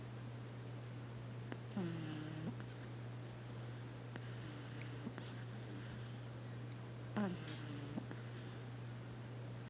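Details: Sleeping pug puppy giving soft snorting snores over a steady low hum; snoring from a short-nosed dog.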